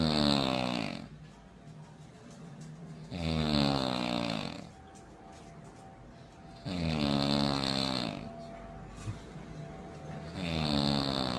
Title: When Your Girl Snoring Sounds Like An Airplane